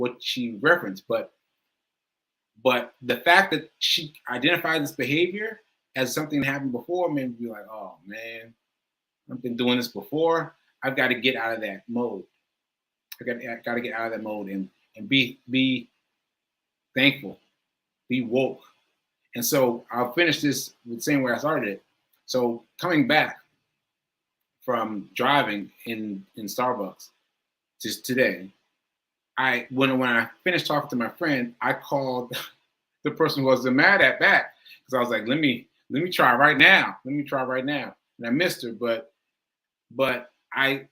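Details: Self-reported aphasia in an adult, which the speaker says varies from person to person and feels worse on the day of recording; live, unscripted speech with aphasia.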